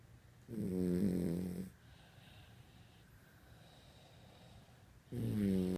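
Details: Dog snoring every night during sleep: two loud, rumbling snores separated by a quiet exhale pause.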